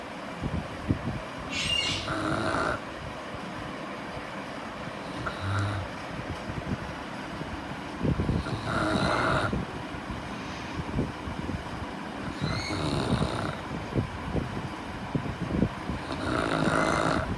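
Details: St. Bernard dog in deep sleep after tiring out: loud, rough snoring breaths repeating every few seconds, with some background noise.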